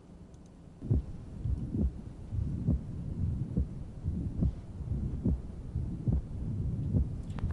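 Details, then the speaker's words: Regular heartbeat about 70/min over loud breathing; the second heart sound splits on expiration and closes on inspiration, paradoxical splitting of S2. "one of the more common places that I see it is these little old ladies with severe systolic hypertension and that's paradoxical splitting"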